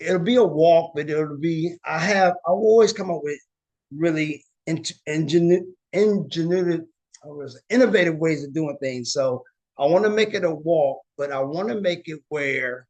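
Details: Aphasia with word-finding difficulty and paraphasias in a woman living with aphasia after a stroke or injury.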